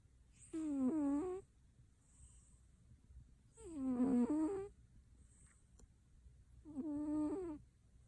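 Three squeaky, whistling noises with a rising and falling pitch, one on each breath at about 20 a minute, from a sleeping cat snoring.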